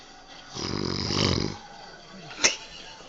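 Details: Pet dog snoring while blowing spit bubbles: one rough, rattling snore lasting about a second, then a faint wet pop, with faint room noise behind.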